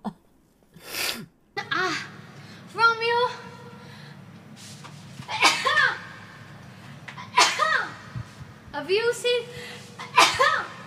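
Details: Sneezing fit on a live stream: a run of repeated sharp, wet sneezes, each with a voiced cry, over steady background hum.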